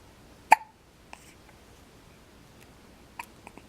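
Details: 4-day-old newborn boy with hiccups: a sharp, abrupt hiccup at the start, then fainter clicks and small hiccup-like sounds in a quiet room.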